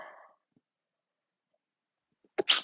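Quiet room, then one short, half-held-back sneeze at the end.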